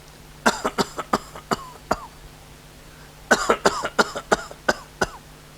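An adult imitates a cough: two runs of about six short, sharp coughs with a pause between, matching a minute gun cough, a cough that comes in spells.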